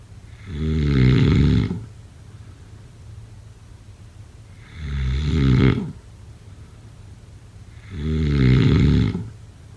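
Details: Heavy snoring: three deep, rumbling snores on the in-breath, about 18 a minute, with quiet pauses between them.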